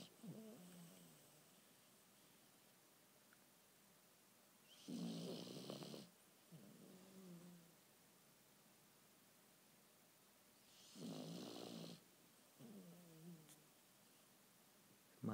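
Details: Sleeping dog in the dark: slow repeating cycles of a harsh inhaled snore followed by a softer, whistly exhale, roughly ten breaths a minute; snoring.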